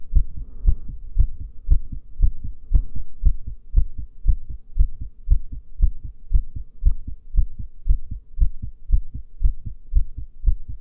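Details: Female heartbeat recorded while holding the breath: steady, regular low thumps, about 115 a minute; normal heart sounds.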